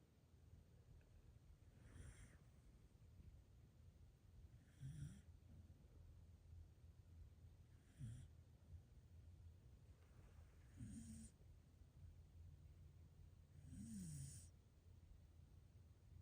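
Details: Soft, faint snores with low snorting breaths about every three seconds during sleep, over steady background hiss; ordinary snoring.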